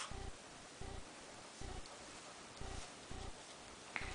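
Six short, low, jerky pulses in four seconds over steady room noise, fitting hiccups.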